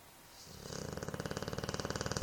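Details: A rapid, fluttering rattle builds within one snoring breath; a vibrating snore.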